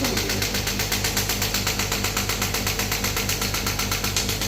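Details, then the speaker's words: Demo of a 3rd-generation ballistic-pressure shockwave therapy machine on the demonstrator's hand, with frequency and power lowered because of a pricking feeling: steady mechanical tapping at about four pulses a second over a constant motor hum. "तो आप देख पा रहे हैं यहां से stop करना मैं स्टॉप कर दूंगा तो मैं थोड़ी सी फ्रीक्वेंसी को कम करूंगा क्योंकि मेरे को हाथ पे चुबन सी हो रही है"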